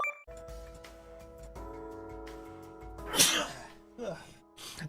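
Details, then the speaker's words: A VTuber sneezes during a livestream: a sudden loud sneeze burst after a musical tone, then smaller breathy noises over background music, followed by a Japanese apology that it was a sneeze. "ごめんなさい。あれです。くしゃみでした。すいません。"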